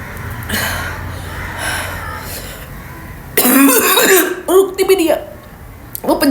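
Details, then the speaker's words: After a quiet stretch, an adult woman deliberately imitates coughing for a cough challenge, giving a run of harsh, voiced bursts: a barking, dog-like cough, though she says it starts to feel real. "हाँ guys, जब मुझे real में खांसी लगती है ना, जब मेरी ऐसी आवाज हो जाती है, ओ अभी मुझे लग रहा है सच्ची में हो रही है।"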